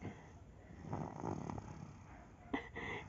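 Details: Sleeping pet gives a loud rattling snore with a sharp snort-like breath near the end; snoring.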